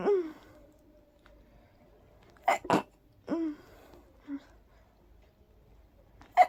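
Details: Several stifled, breathy sneezes with short sharp bursts and soft voiced in-breaths in a quiet room from a very sleepy person trying to fall asleep; trigger unknown, probably pollen (allergy suspected).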